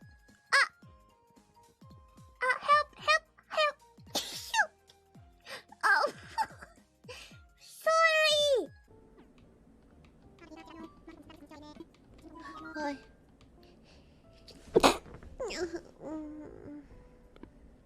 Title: Hololive Sneeze Compilation 31 #shorts